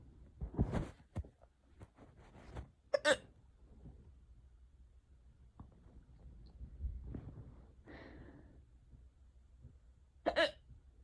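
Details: Unusually bad, prolonged bout of hiccups in someone who rarely gets them: several abrupt, sharp, gulping bursts, roughly three in eleven seconds, with quiet breathing between.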